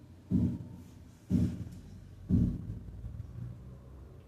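Simulated heartbeat at about 60 a minute, each beat a soft, slightly doubled low thump: a split heart sound, components 0.06 seconds apart.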